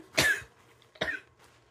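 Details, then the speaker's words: Two short, dry coughs about a second apart in a quiet room from a child with asthma, still coughing despite nebulizer treatment; pediatrician visit scheduled. "kasi ngayon ah Dahil sa hika niya ah hindi ko alam kung nagwo-work yung nebulizer kasi hanggang ngayon inuubo pa rin siya"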